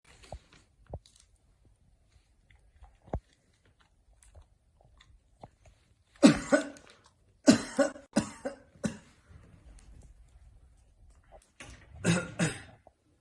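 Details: Adult gives about nine deliberate, acted coughs in short clusters in a quiet small room, staged so a dog brings its owner a mask when he coughs.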